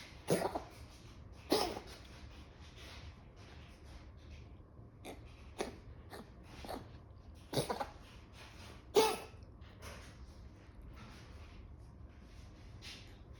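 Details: Dog coughing: several short, harsh coughs over about thirteen seconds, with quiet breathing between them.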